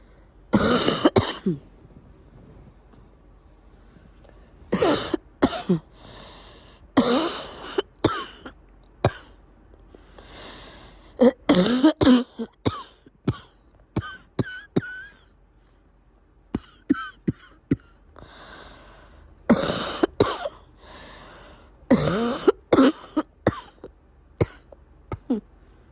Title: Congested cough